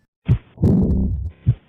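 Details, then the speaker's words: Low heart thumps with a long blowing sound after the second sound, peaking early in diastole then fading, best heard along the left sternal border: an aortic regurgitation murmur. "the murmur is best heard not in the aortic area but rather along the left sternal border it Peaks at the beginning of diast when the pressure difference is highest then rapidly decreases as the equilibrium is"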